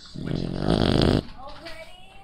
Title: FUNNY Shar Pei puppy snoring